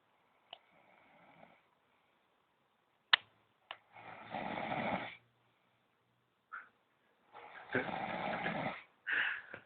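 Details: Pet animal snoring loudly "like a polar bear" while asleep: irregular rough, rattling breathing noises with pauses between them.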